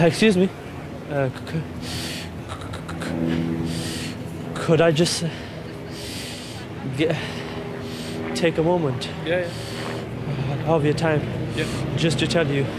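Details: Severe overt stuttering in a 17-year-old male, present since an asthma attack at age four; described by his coach as one of the most severe overt stammers encountered; attending an intensive four-day course.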